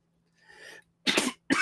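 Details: A soft breathy exhale, then two short harsh bursts of an adult man clearing his throat or coughing while hoarse from long talking.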